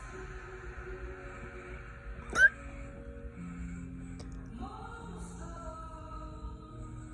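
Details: Adult hiccupping after getting tipsy on wine and spicy chips at game night: a single sharp, abrupt hiccup over steady background music; hiccups.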